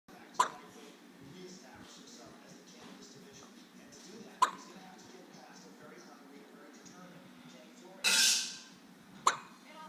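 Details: Baby with hiccups: three sharp, brief hiccup sounds at irregular intervals, with one louder noise burst between them, over quiet room noise.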